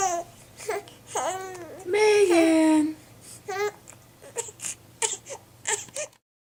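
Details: Infant crying, upset about hiccups she can't get rid of: wailing cries with sobbing breaths and whimpers in a small room.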